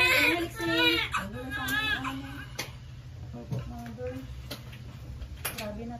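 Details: Strong, high-pitched bursts of crying from a newborn baby boy just after a normal vaginal birth, with adult voices in the room; a vigorous first cry.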